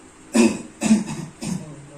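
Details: Effective-cough exercise by a nursing student with an adult male patient, done after guided slow deep breaths and counted breath-holds: three short, forceful voluntary coughs in quick succession to clear the airway.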